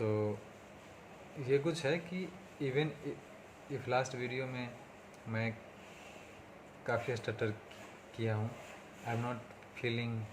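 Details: Stuttering in an adult man speaking Hindi, on day 37 of speech therapy for his stammering, with improvement noted across speaking situations.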